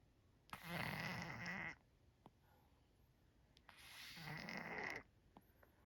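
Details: A sleeping cat that also licks in his sleep gives two rough, fluttering snores on the in-breath, with quiet pauses and faint small clicks between them: snoring.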